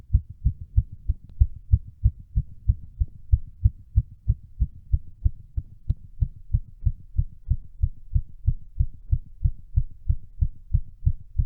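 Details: Fast, steady, regular heartbeat of about 185 beats a minute, recorded during a workout at fastest heart rate; exercise-induced rapid heartbeat.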